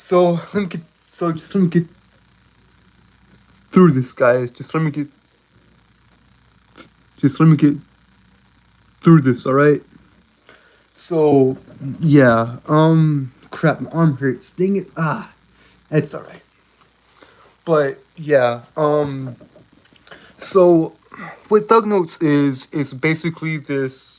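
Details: Male streamer with a self-reported speech impediment, a stutter, with repeated words and fillers: stuttering.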